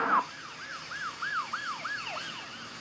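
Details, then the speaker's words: Simulated rising (low-frequency) moderate hearing loss on the Starkey hearing loss simulator app: wailing siren sweeps sound thin with the low end stripped away. "let's go to Rising moderate and immediately you can tell that's quite a difference"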